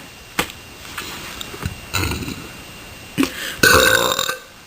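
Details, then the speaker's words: Deliberate burping: several short burps followed by a longer, louder one at the end in a small room. "okay so a lot of people liked my burping video i guess um because i got a lot of comments and messages from people saying that i should make another one"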